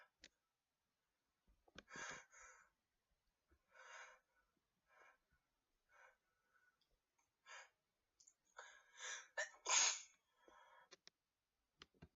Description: The fourth sneeze was so powerful I dropped my phone;)